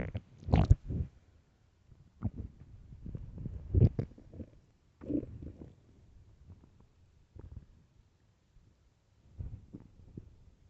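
Repeated deep gurgling rumbles and squelches with quiet gaps between; loud stomach growling from an empty stomach, ordinarily harmless.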